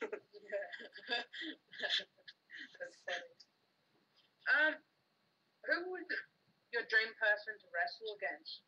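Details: Adult speaker; typical speech.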